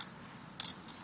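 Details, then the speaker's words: Brief sharp scraping clicks of a hand scaler removing calculus, lower anterior teeth, facial surfaces towards from midline, operator at 8 o'clock, simulated demonstration on a model. "The midline of the tooth and roll in. Surfaces towards. Next piece of calculus there."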